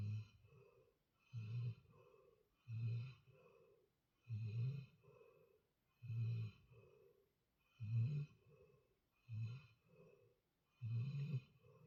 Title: 코를 골며 자는 라몽 Ramong sleeping while snoring